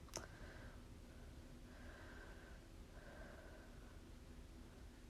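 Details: Lower extremity venous Doppler ultrasound checking for blood clot, signal taken in the femoral vein of an externally rotated leg: normal phasic venous flow signal, with augmentation.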